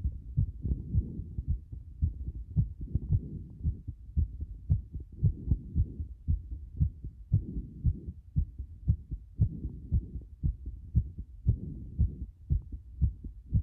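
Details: Low heart thumps at roughly 115 a minute with uneven spacing and frequent early beats; an irregular rhythm from frequent arrhythmia.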